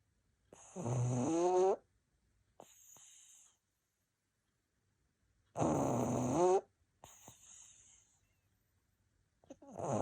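Loud rattling inhaled snores with whistling exhales, about 12 breaths a minute; a flat-faced dog snoring.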